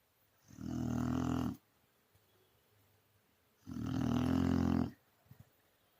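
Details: Dog snoring in deep, peaceful sleep: two long, rumbling breaths, roughly 19 a minute.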